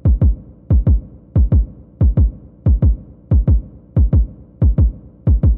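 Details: Steady paired lub-dub heart sounds heard by stethoscope over a male patient's apical pulse at the fifth intercostal space, left midclavicular line; 46 beats in 30 seconds gives 92 bpm, a normal regular heartbeat.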